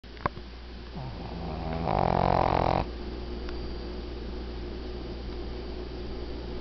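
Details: 12-year-old female Shih Tzu who has snored since she was a puppy: one loud, fluttering snore lasting about a second, then quiet breathing over a steady low room hum. Snoring.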